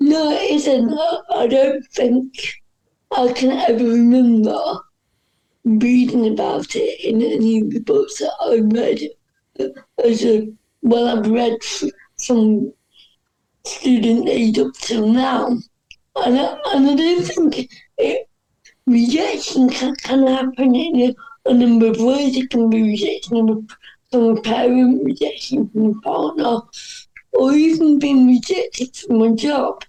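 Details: Dysarthria in an adult woman with cerebral palsy, which is stated to affect her speech.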